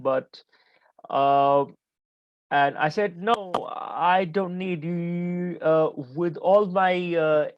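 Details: Adult man who stutters, still stammering and having blocks during this conversation; stuttering.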